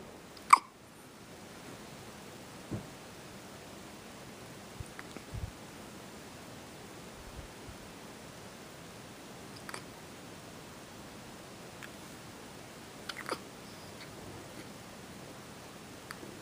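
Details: A child hiccupping: one sharp, clear hiccup, then several softer, irregular ones in a quiet room.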